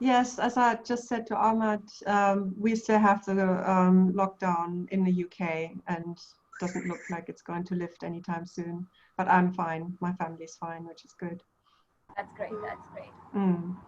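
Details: Adult woman; typical speech.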